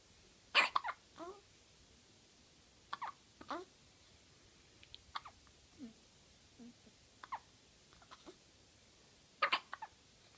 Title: Synchronized hiccup baby twins